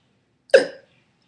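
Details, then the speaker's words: A single abrupt throaty gulping noise lasting a fraction of a second, a worsening, frequent vocal tic in Tourette syndrome, described as sucking in and holding air in the neck, then releasing it with a noise. "it's like sucking in air but it's holding it and then all of a sudden it just goes and it lets the air go back into my"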